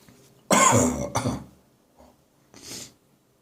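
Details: Dry morning cough lingering after bronchitis: two harsh dry coughs, then a faint catch of breath and a breathy exhale.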